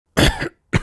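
Two short, harsh cough bursts from an adult, the first longer, acted for effect.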